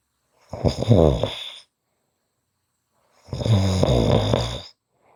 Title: Short snoring Audio